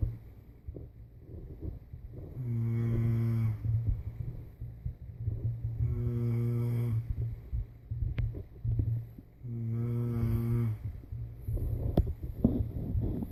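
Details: Adult's own snoring during sleep: three droning, buzzing breaths about four seconds apart, low and steady in pitch, over room noise; snoring.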